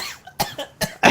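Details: Adult gamer during play: a rapid run of three or four short, harsh coughs like choking.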